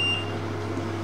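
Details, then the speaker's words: Home haemodialysis at end of treatment during disconnection: brief high electronic beep over steady machine hum, the blood pump stop alarm sounding as the line connector is transferred, then silenced. "when I do that while I'm transferring it over that way silence the alarm on there it's just the big pit stop alarm"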